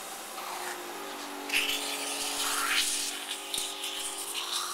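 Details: A 23-year-old man with Duchenne muscular dystrophy on a mechanical cough assist machine to clear his lungs: a steady whir with rushing air pushed in and pulled out, and voices prompting him to take a deep breath.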